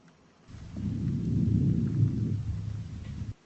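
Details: Soft, low rustling breath swells and fades through a stethoscope with no crackles or wheeze: normal vesicular breathing, symmetric on both sides.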